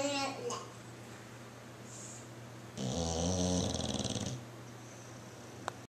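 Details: Bulldog snoring: a low, fluttering snore on a breath in, with room hum around it.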